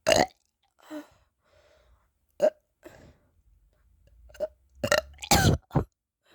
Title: I can't stop burping...